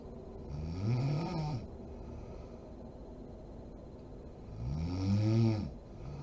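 Two loud, rattling snores on the in-breath, about four seconds apart, with quiet breathing between; ordinary snoring in sleep.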